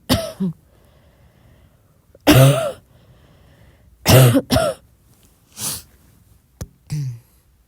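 About six short, soft coughs in a quiet room, some in quick pairs, with silence between them.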